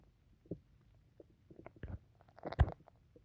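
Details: Soft, low gurgles and bubbling rumbles from the belly, building to a louder gurgle; the person reports their stomach goes crazy whenever they drink tea; borborygmi (ordinary stomach rumbling).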